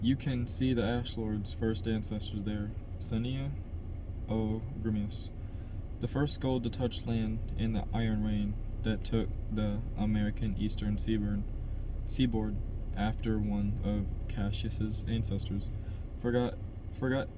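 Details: Adult man who stutters reading a novel chapter aloud as practice to help his stutter; stuttering.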